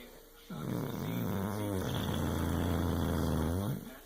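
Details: Tyson, a male worn out and tired, snoring: a long loud rattling rumble on one breath; snoring.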